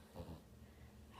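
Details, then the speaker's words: Pet dog sleeping curled between her owner's legs in the lap, snoring: a quiet, low rumbling breath, a single soft snore. "ha buscado el rincón así meterse entre mis piernas y está privada roncando"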